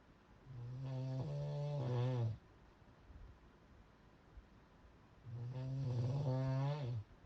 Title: Snore From Hell